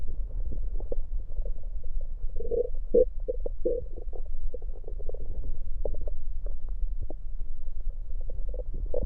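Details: Own stomach recorded with an electronic USB stethoscope while drinking Coke: bowel sounds with gulping of soda and burps inside.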